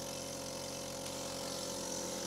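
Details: Steady low motor hum with faint hiss of an Askir 30 veterinary suction unit drawing air and water through tubing while cleaning and drying a gastroscope after disinfection.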